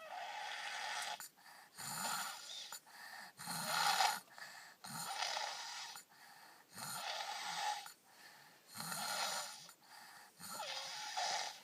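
Loud rattling snores on each in-breath, about six cycles in twelve seconds, with quieter out-breaths between; ordinary snoring.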